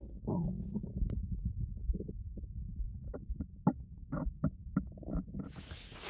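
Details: Low gurgling stomach rumbles with scattered short squelches and pops, recorded binaurally with a 3Dio microphone; ordinary stomach growling (borborygmi).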